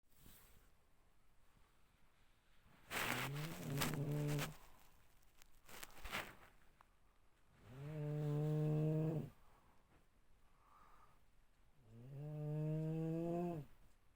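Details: Loud, low, rattling snores from a female sleeper, repeating at about 13 a minute with quiet pauses between; ordinary snoring.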